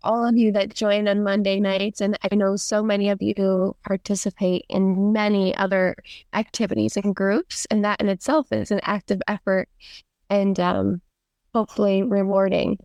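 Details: Adult woman; Normal speech.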